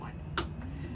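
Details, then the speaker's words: A single sharp click over low room hum from a deep transcranial magnetic stimulation pulse during a live demonstration of finding the motor threshold over the motor cortex, with a helmet aligned using measuring tapes on the patient's cap; TMS pulse click. "okay we do the same thing three two one three two one so nothin okay so we know it's not 17 so when we go down to 15 here three two one very small three two one"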